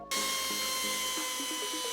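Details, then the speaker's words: Simulated oscillating bone saw in a VR robotic-assisted total knee replacement demo, making the first distal cut on the femoral condyles: a steady high-pitched whine with a shifting lower buzzing tone. "now you'll see that it's automatically adjusting for the first cut the distal cut on the femoral condyles I'll grab the bone saw and make that first cut"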